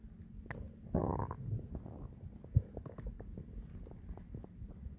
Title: Loud digestion stomach growling